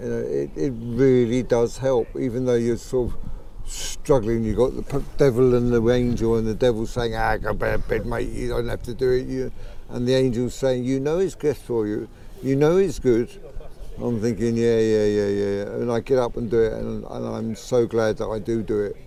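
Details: 63-year-old man with Parkinson's disease for about 15 years. His stammer began around age 63, about 15 months before recording, and is thought Parkinson's-related. It worsens when emotional, excited or talking fast. Sees a speech therapist. Late-onset stammering (Parkinson's-related).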